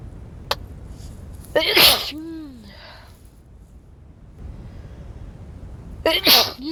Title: Wet cold sneezes